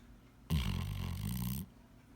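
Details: Old yellow Labrador sleeping and dreaming: one deep, rumbling breath noise about a second long; snoring from a sleeping dog.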